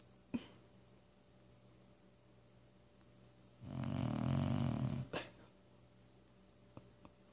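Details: Dog snoring: a single low, rattling snore lasting over a second, with quiet room noise before and after.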